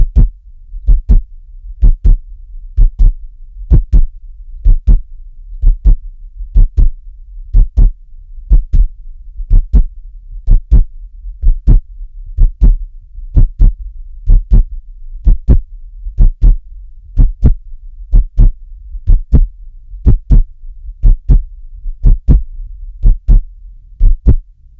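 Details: Heart sounds: steady, regular paired heart thumps at about 62 beats a minute.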